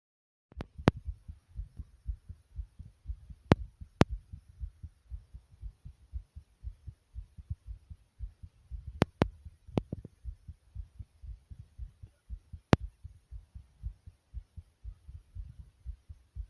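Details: Own heartbeat, tagged as fast: steady, fairly quick low thumping with regular rhythm and a few sharp handling clicks; heartbeat.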